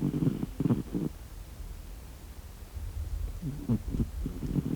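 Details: Sleeping cat snoring: low rumbling, purr-like snores in two bursts with a quiet pause between.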